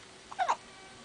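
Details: A single brief, squeaky, voiced catch over faint room noise from a little male whose whole body shakes with it; hiccups.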